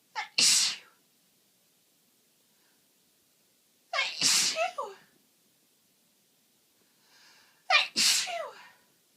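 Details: Three forceful sneezes about four seconds apart, each a sharp inward breath and explosive burst; repeated uncontrollable sneezing from an adult with a cold and increasingly blocked nose.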